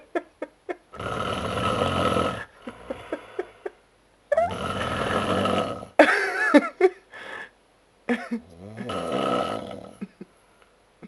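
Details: An adult man, asleep after drinking at Oktoberfest, gives loud, rough, gurgling snores alternating with short snorts and clicks in an irregular pattern; snoring.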